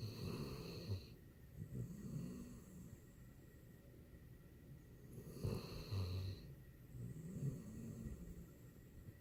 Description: This is henry... he snores.